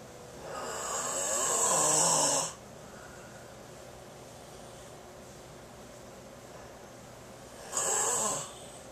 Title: The sounds of snoring